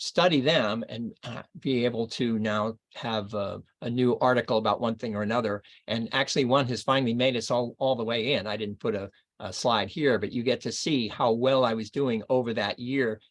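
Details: Man in his first two years after a left-hemisphere stroke in Broca's area, reading aloud in an archival recording; poor reading, with paraphasias (words other than those intended); expressive aphasia with paraphasia.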